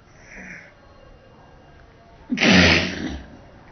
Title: sneezing